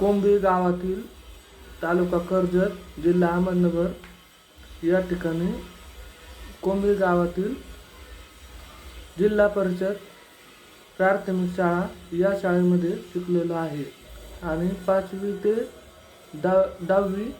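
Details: Young man, deaf since childhood, who learned to speak and is now a final-year pharmacy student, speaking Marathi: speech of a person with hearing loss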